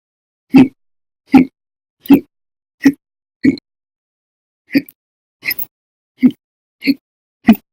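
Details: Audio-only recording of violent, very loud persistent hiccups: ten sharp loud hiccups in under eight seconds, about 80 a minute, separated by silence: persistent hiccups.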